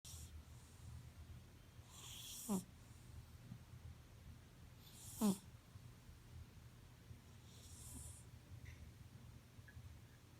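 Soft hissing breaths, about 22 a minute, with two brief snorting snores from a sleeping cat over a low room hum: snoring.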